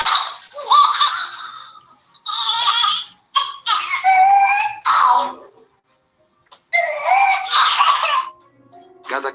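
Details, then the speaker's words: An infant with pertussis gives repeated harsh coughing bursts with high-pitched, strained indrawn breaths between them; whooping cough. "escucha el sonido de la tos de un Infante con pertusis"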